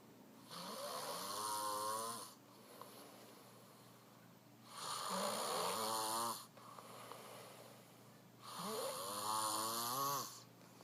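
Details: Heavy snoring from a new father asleep after working third shift, beside his sleeping baby son: three loud, rattling snores about 15 a minute, separated by quiet breathing pauses.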